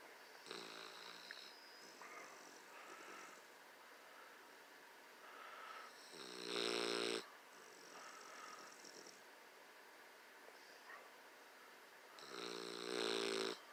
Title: Yes Bulldogs snore